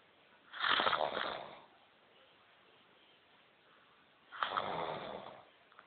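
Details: Very loud snoring: two loud, rattling inhaled snores separated by quiet pauses; heavy snoring.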